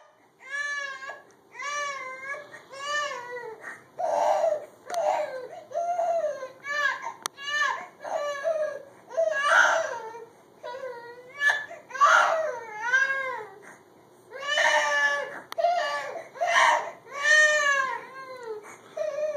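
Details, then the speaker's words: Baby crying in repeated rising-and-falling wails with short pauses between them; nearby dogs reacted to the crying. "crying. Doggies don't like it. They came and got me. So look at the baby crying."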